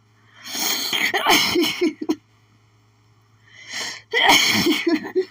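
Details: Desperate, itchy sneezing fit attributed to pollen: two forceful, explosive sneezes, each preceded by a sharp inward gasp, so strong they left the person doubling over.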